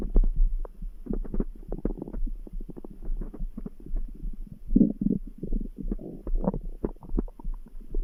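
Continuous low rumbling and gurgling from the belly with a throbbing pulse underneath: stomach growling with the heartbeat faintly heard behind it.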